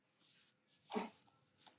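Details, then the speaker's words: A stressed female cat sneezes: a single sharp, hissing sneeze, with soft breathy sounds before and after in a quiet room. "Ah, c'est mon chat qui éternue. Hyper stressée, la gamine."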